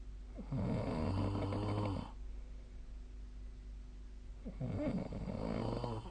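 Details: Nightly sleep snoring recorded with the SnoreLab snoring app: two loud, rattling inspiratory snores separated by a quiet pause, with steady room hum.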